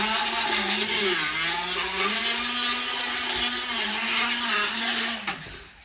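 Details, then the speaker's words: Horse during a routine dental appointment, using a tissue-sensitive diamond power float: a steady motor whine with harsh grinding as the teeth are filed to even out high and low points; motorized equine dental float. "we'll use a tissue sensitive Diamond that is very [Music] easier on the TV thing it's it's really difficult to do any damage to the tissue if you pay to pay attention"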